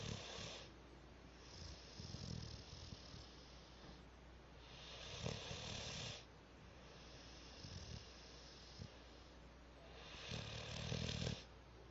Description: My cat , Mamma Winky snoring loudly - That is all ...